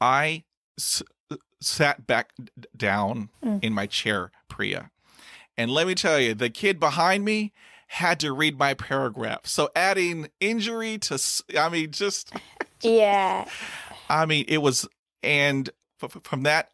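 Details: Adult male who stutters, reporting repetitions, blocks with closed eyes and stopped breathing; stuttering.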